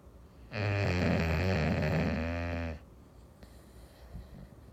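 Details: Snoring in an English Bulldog, a flat-faced dog, napping on an afternoon: a single long, loud, rattling snore on the in-breath, low and throaty, then quiet room noise.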